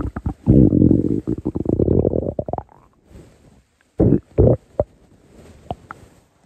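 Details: Low, rumbling gurgles with rapid bubbling pulses, then a pause and a few short bursts: a hungry stomach growling, ordinary borborygmi.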